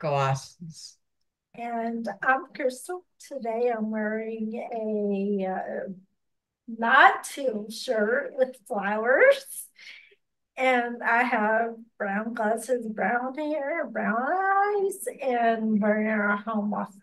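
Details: Ataxic dysarthria in a speaker with ataxia who reports speech difficulties and has worked on pronouncing words; real speech.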